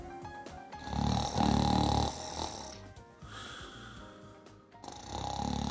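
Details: Loud, rough, low snores during sleep breathing with background music over them, snoring that may involve breathing pauses of sleep apnoea.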